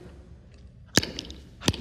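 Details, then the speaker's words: Adult man with Tourette syndrome replaying a clip of his tics: abrupt clicking and sniff-like bursts, then a brief yelp-like vocal sound, vocal tics. "I have Tourette's by the way just throw that out there okay"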